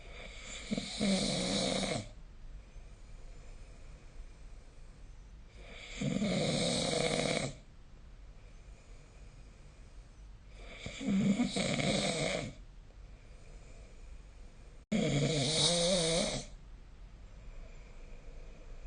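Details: Loud, rattling snores about every five seconds, roughly 12 breaths a minute, with quiet breathing between them; snoring during sleep recorded with the SnoreLab app.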